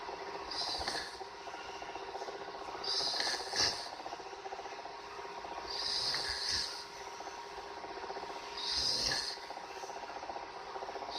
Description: Bitch snoring.